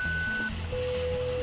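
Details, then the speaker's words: Simulated tinnitus made in Audacity: several overlapping steady, shrill pure tones approximating one person's lifelong ringing tinnitus, described as about four or five tones varying in intensity, volume and frequency, without the warbling; tinnitus simulation. "i have made an arrangement using audacity to create several tones that approximate what tinnitus sounds like to me starting right now this is what"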